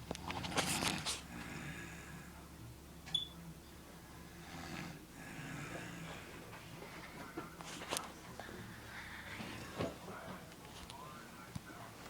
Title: My uncle snoring